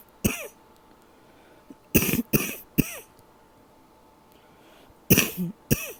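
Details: Nighttime cough while trying to stay as quiet as possible: six short, muffled, suppressed coughs in a quiet room, spaced irregularly over several seconds, a nocturnal cough.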